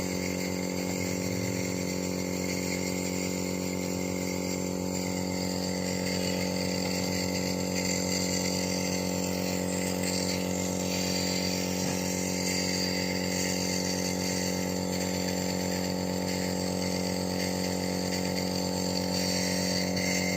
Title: 4 month baby take nebulization ।Nebulization due to cold and cough#babyshorts #shorts#ytshorts#cute